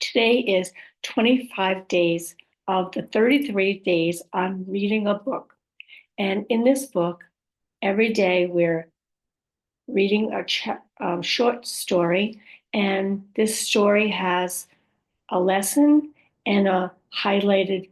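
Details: Adult woman with aphasia, apraxia of speech and dysarthria after a stroke, describing her own speech as sometimes hard to understand; aphasia with apraxia of speech and dysarthria.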